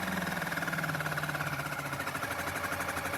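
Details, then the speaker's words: Oral-B Oral Health Center water flosser (Hydropulzer) running in continuous jet mode: continuous buzzing motor hum with a fast pulsing rhythm. "On appuie et l'eau, elle sort tout simplement. Après, on peut entendre he le moteur qui qui"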